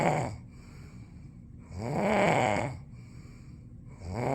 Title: Me Snoring 7